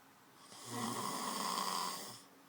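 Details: Man asleep, snoring: one long, loud, rasping snore on a breath in, lasting over a second, in a quiet room.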